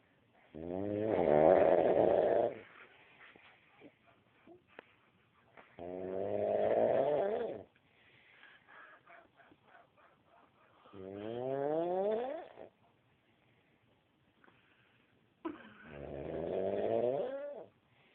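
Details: Man snoring: four loud, whistling, vibrating breaths about 12 per minute, pitch sliding within each, with quiet breathing between.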